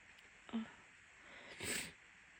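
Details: A female university student with a cold gives a short intake of breath, then a loud, breathy, unstifled sneeze.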